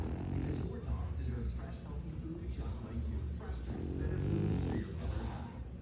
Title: Brother is completely passed out. Listen to him snore 😴